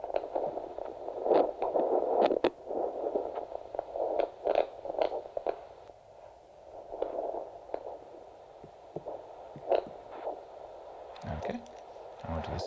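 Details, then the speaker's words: Handheld Doppler over a foot artery during an ankle brachial pressure index exam, as the cuff is inflated until the sound disappears and then released: rhythmic strong, clear whooshing pulse fading under scraping. "and just increase at the pulse until the sound disappears and then we're going to let it out okay so the pulse is coming back about 112."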